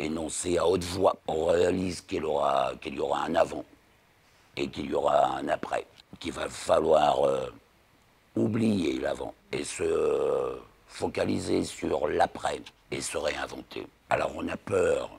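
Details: Speech of a 59-year-old man after total laryngectomy for laryngeal cancer; he relearned to speak after 3 weeks of rehabilitation with physiotherapists and continues speech therapy, including intonation work; alaryngeal speech after total laryngectomy.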